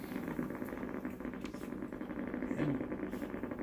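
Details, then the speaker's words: Needle EMG of the iliopsoas with a shallow needle while the patient lifts the knee slightly off the bed: steady crackling patter of voluntary motor unit potentials during light contraction. "so for this one I just ask Pati to lift KNE up the bed just a little bit and you're Z right there I'm not even I'm not very deep at all I'm just barely"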